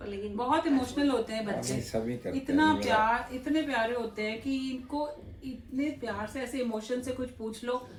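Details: Adult woman speaking Hindi; ordinary speech.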